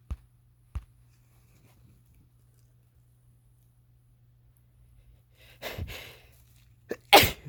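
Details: Two explosive sneezes, the first after a quiet pause and breathy intake, with a low hum throughout; sneezing while having a cold, deliberately induced.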